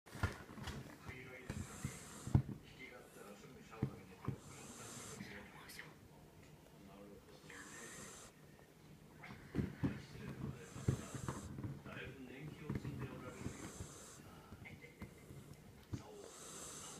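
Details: Female Jack Russell Terrier snoring while asleep: low, rhythmic snorting breaths, about four in 17 seconds, with soft airway noise.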